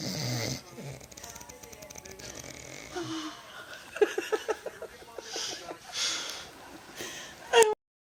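Loud, rough, rattling snoring sounds from a sleeping adult, with music playing in the background.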